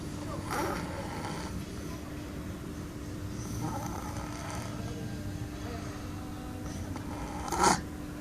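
Soft, low snores with slow breathing, roughly every three to four seconds, against room noise and a faint steady hum.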